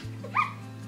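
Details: Squeak vocal tic, the main tic that led to her Tourette syndrome diagnosis, often mistaken for hiccups; vocal tic (squeak).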